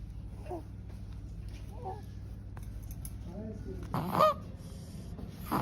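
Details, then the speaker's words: Infant with noisy breathing: high-pitched, honking, crowing breath noises of stridor from a narrowed upper airway; in small babies, stridor present from birth is most often due to laryngomalacia. "noisy breathing. One of the reasons in small babies is a strider."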